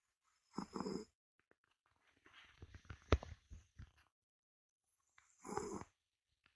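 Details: A healthy sleeping Ragdoll cat snoring loudly: two rough, fluttering snores about five seconds apart, with faint rustling between them.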